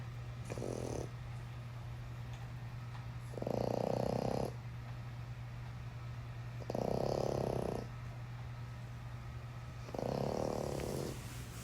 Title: My snoring Frenchie is better than yours